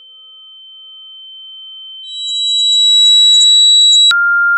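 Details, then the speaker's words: Simulated tinnitus: steady high-pitched ringing tones of shifting pitch, given as examples of what the ringing, buzzing or hissing in the ear can sound like. "have you ever experienced a ringing buzzing or hissing sound in your ear that won't go away if so you might have tinnitus what does tinnitus sound like here are some examples"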